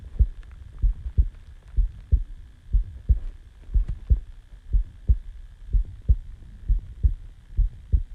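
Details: Self-recorded heartbeat just after waking from sleep: steady low thumping at about 60 beats a minute over a faint hum; normal resting heartbeat.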